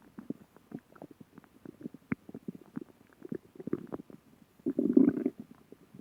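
Irregular gurgling, bubbling bursts with a louder rumbling stretch near the end; stomach growling, ordinary bowel sounds.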